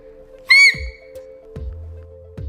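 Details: Nine-year-old child with Tourette syndrome, a tic that began last year: a single brief, piercing, high-pitched squeal, loud like a fire alarm; vocal tic.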